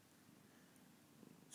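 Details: Quiet, steady low rumbling from a sleeping cat, close to a purr in tone: cat snoring.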